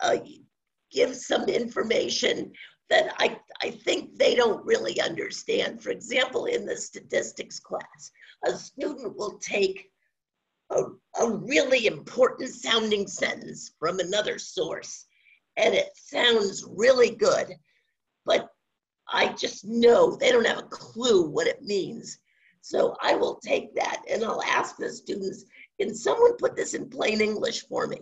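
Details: Woman with spasmodic dysphonia, no cure, worsening since about 2010, treated with Botox shots; scratchy voice; finding: spasmodic dysphonia.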